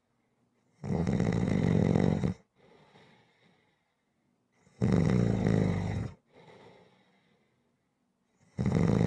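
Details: Loud rough snores on each inhalation about every four seconds, each followed by a soft exhale; rhythmic snoring at about 15 breaths a minute.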